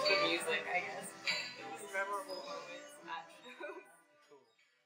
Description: In this demo, you are slowly getting a Noise Induced Hearing loss.